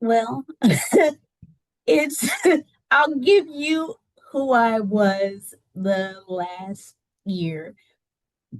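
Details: Adult woman with aphasia after a stroke that left her unable to talk and partially paralysed on the right side, speech regained with therapy.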